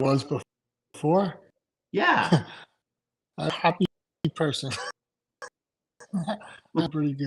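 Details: Adult male stroke survivor with aphasia after two strokes in November 2017; right-sided weakness, unusable numb right hand, short-term memory problems, 10 seizures since stroke; finding: aphasia.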